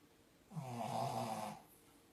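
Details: Snoring from Cooper, a French bulldog, heard while sleeping.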